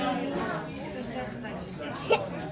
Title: Hiccups are laughable